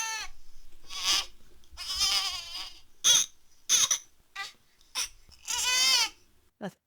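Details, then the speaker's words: Discomfort cry of a newborn: short, sharp, high-pitched infant cries in bursts with brief pauses, often paired with squirming or back arching; may signal a wet nappy or gas pains. "the discomfort cry is a sharp high pitch cry and here's a discomfort"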